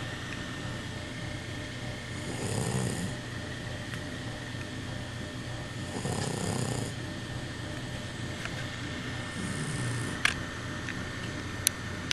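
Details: An overweight Puggle dog snoring: three rattly, low breaths with an airy hiss about every three to four seconds, over room hum; snoring.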